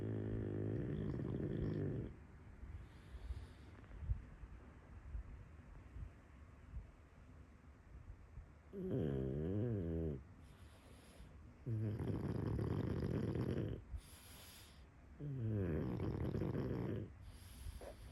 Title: Full Breed Pug Snore. The Sounds a Pug Makes! Lol #pugs #dogs #snoring #snore #pets #pugsrule #dog